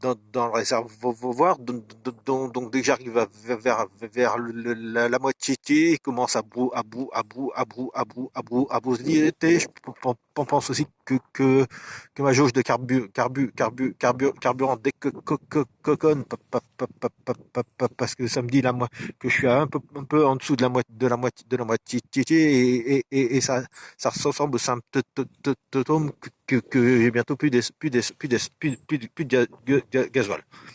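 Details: Adult man with stuttering that worsens when he recalls a stressful workplace period around 2004, so words no longer come out; audible repetitions; stuttering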